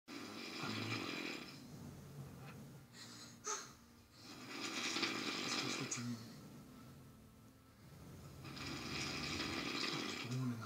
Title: Robot snoring